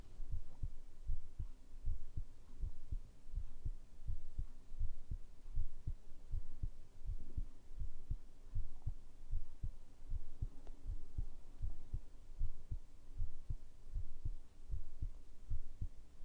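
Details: ASMR heartbeat sound recording, possibly with a binaural microphone: steady, regular low thumps at about 78 beats per minute over a soft hum; a normal heartbeat.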